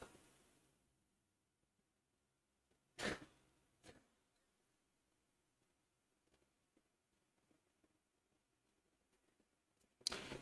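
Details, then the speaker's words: Child (called the peanut) with chesty cough, sore lungs and sinus infection: about three short, distant, constant cough bursts heard in the background of a quiet room; chesty cough. "Yeah, you can probably hear him coughing his head off in the background. Yeah, it's a very creepy cough. It's very constant. His lungs are so sore."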